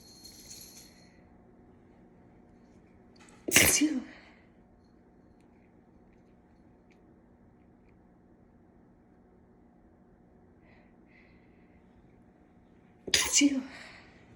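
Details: Induced sneezing with a cat whisker to clear a nose clogged from cat allergy, left nostril completely blocked on waking: two loud, sharp sneezes about ten seconds apart in a quiet room with a faint hum.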